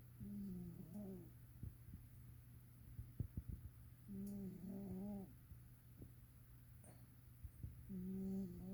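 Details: Sleeping cat, a heavy snorer: repeated nasal, whistling snores about every three to four seconds with soft clicks between breaths.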